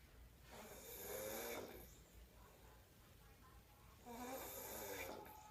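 Two loud, rough, vibrating snores on the in-breath, separated by a quiet out-breath; ordinary snoring.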